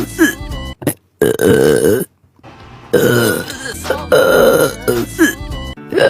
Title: Hiccup burps